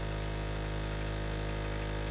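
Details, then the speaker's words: Suction unit running continuously with a steady low mechanical hum during pediatric inline tracheostomy suctioning, suction pressure checked at no more than 200, applied while withdrawing the catheter. "continuous suction and again I'm holding this on so that I'm pulling back on that when we're done"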